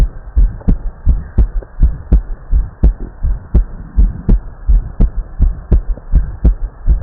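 Regular paired heart sounds through a stethoscope at about 83 beats a minute.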